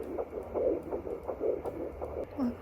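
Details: Fetal heartbeat on home Doppler at 9 weeks pregnant with third baby, first time found: fast soft whooshing pulses around 160 a minute over low rumble, close to the mother's slower pulse from placenta and cord.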